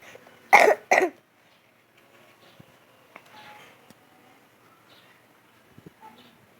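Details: Coughing: two quick coughs close together, then a quiet room with faint small noises.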